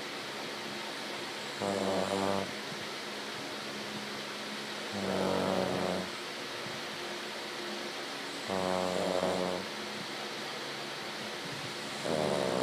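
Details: Slow, rhythmic rumbling snores, about four in twelve seconds, each a buzzy low vibration on the in-breath, from a sleeping 6-year-old Cavalier King Charles Spaniel that snores all the time; snoring.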